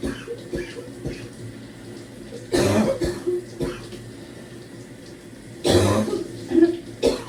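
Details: Deep, barking productive cough in the shower: two strong cough bursts and a smaller final one over running water, trying to clear secretions, at times doubled over from coughing.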